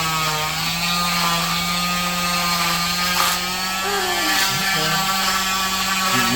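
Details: Cast removal with an oscillating cast saw, patient told it vibrates and warms but doesn't cut skin; continuous high mechanical whine with steady low hum, shifting slightly as it cuts.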